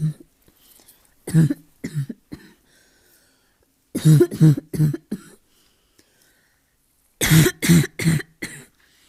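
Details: Asthma cough: three bouts of harsh, hoarse barking coughs, about eleven in all, with short pauses between.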